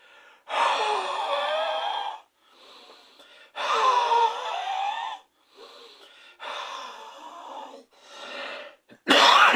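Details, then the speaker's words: Physiotherapy breathing exercise for asthma: normal inspiration then loud forced expiration with open glottis at maximal speed, expiration at least twice as long as inspiration, accelerating expiratory flow to clear secretions and improve peak expiratory flow. "Puis, pour le temps expiratoire, on va l'allonger le plus possible, le plus long possible. Voilà, كيف ما قلت, à glotte ouverte avec une vitesse maximale et d'une façon forcée."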